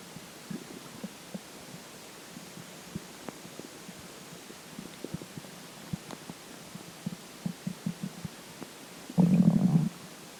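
Quiet irregular clicks and gurgles with a brief louder gurgle near the end; ordinary stomach gurgling.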